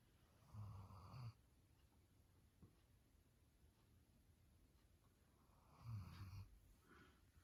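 Two low, rough rattling snores about five seconds apart, with quiet breathing between them in a still room.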